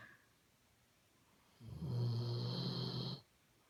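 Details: Weimaraner/Doberman cross dog snoring loudly while asleep: one low, droning snore of about a second and a half, then quiet.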